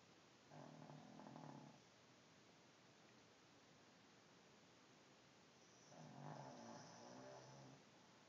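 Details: Snoring in a pug, a flat-faced dog, asleep in a chair: two rough, rattling snores on breathing in, separated by a quiet pause, over faint room noise.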